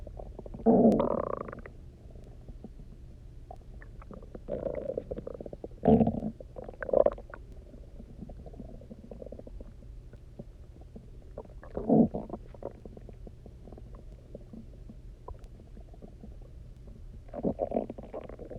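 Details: Loud gurgling, growling bursts from the belly at irregular intervals with quiet gaps, recorded after about 24 hours of near-fasting, drinking a lot of water and lying on the side; normal hunger borborygmi.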